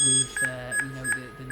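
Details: Lower right first molar (LR6) minimal-prep root canal. A size 10 K hand file advances down the mesiobuccal canal while the apex locator gives repeated electronic beeps that rise and change as the file approaches working length.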